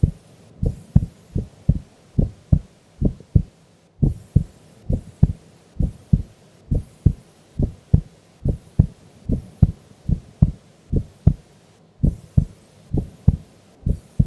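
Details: Female sleeping during an afternoon nap: steady, regular lub-dub heartbeats, about 70 a minute, no extra sounds; normal heart sounds.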